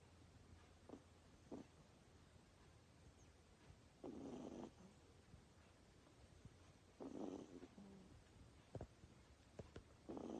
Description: This sweet little Miniature Dachshund puppy is almost eight weeks old and snoring like a little bear!